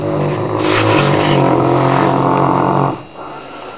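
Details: Pet dog snoring while asleep around 11am: a loud, rough, rumbling snore lasting about three seconds, then quieter breathing; heavy dog snoring.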